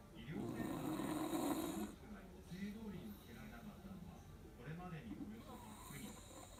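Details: Sleeping beagle using a door threshold as a pillow, soft rumbling snores, one long and several short, over faint room noise; the household's loudest snorer; snoring.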